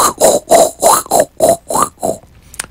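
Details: Vocal imitation of a pericardial friction rub, with rapid, rhythmic, scratchy, grating bursts. It stands for a chest-pain patient whose pain was worse lying down and on breathing and better sitting up, diagnosed with pericarditis rather than a heart attack.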